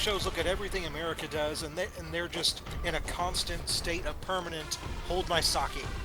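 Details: Adult male speaker; typical speech.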